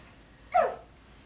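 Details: Young child imitating his father's hiccups: a single quick, sharp, hiccup-like gulp; imitated hiccup.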